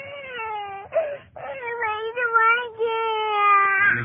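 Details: Young child crying at a wildlife safari after an animal she was feeding carrots sneezed on her face: sustained, wavering, tuneful crying with brief breaks, whimpering.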